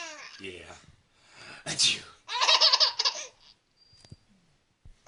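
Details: Adult repeatedly imitating sneezes ("achoo") while an infant giggles brightly around them; the sneeze is mock, not real.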